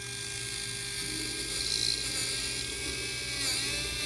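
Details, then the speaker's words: Dental implant drill, a twist drill of about 3.5 mm, widening a recent molar extraction socket in an artificial mandible for a simulated immediate CeraRoot 16 zirconia implant: a steady high-pitched whine. "This is how the drilling is looking like. And we again check the direction of the drilling."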